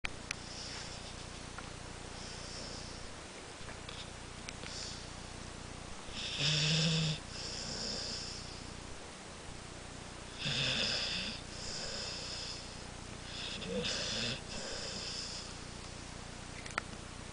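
Three loud rasping snores, a few seconds apart, over steady room hiss; the pattern of snoring.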